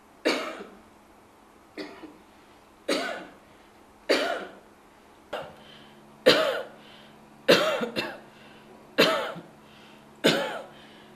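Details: Adult woman giving about ten deliberate, evenly spaced voluntary coughs, one doubled, recorded under supervision at the Kenya Medical Research Institute for an AI phone app that screens coughs for tuberculosis.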